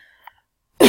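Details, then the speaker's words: Adult speaker whose voice is giving out after long talking; a quiet stretch ends in one sudden harsh burst, the abrupt start of a single cough. "excuse me the videos starting to get quite long my voice is starting to give out as you can hear"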